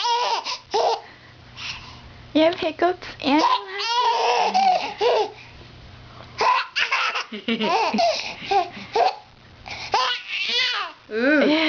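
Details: Young child (Mina-Lynn) laughing in bursts while having hiccups, laughter broken by abrupt catching gulps in the breathing.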